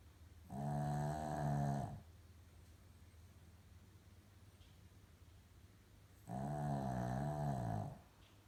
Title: Chloe Maltese/Shi Tzu Snoring Problem